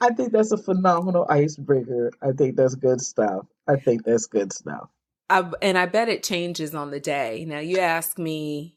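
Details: Adult speaker; typical speech.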